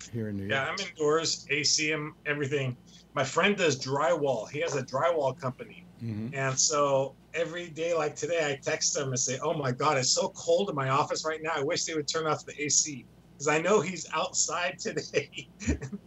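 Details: Adult man speaking; ordinary speech.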